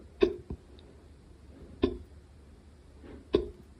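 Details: Hiccups recorded quietly late at night: three brief, sharp, voiced catches about 1.5 seconds apart, each with a short squeak.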